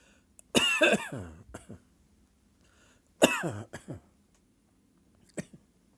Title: Sudden dry coughing fit